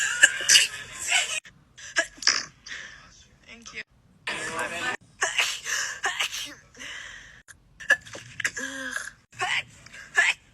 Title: monthly sneeze comp 1